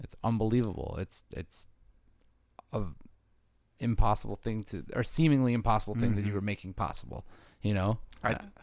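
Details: Adult male speaker; typical speech.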